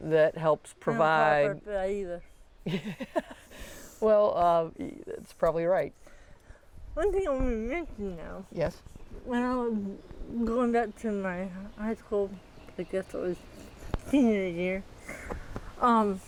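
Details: Dysarthria in a 40-year-old woman with athetoid cerebral palsy, full-body involvement with quadriplegia, moderate-to-severe physical involvement, GMFCS level 3/4, who uses a power wheelchair and a walker.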